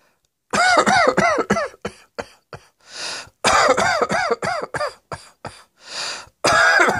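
Repeated bouts of voiced, rapid coughing, each run of about eight coughs followed by a long noisy in-breath before the next bout begins.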